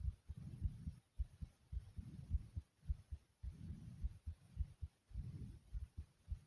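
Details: Fast, soft heartbeat after doing various exercises: regular beats near 110 a minute.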